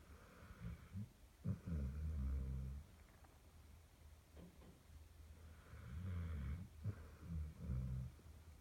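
Low rattling snores from a sleeping dog, two long breaths with quieter sniffling between them; ordinary snoring.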